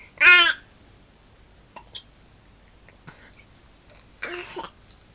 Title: early morning hiccups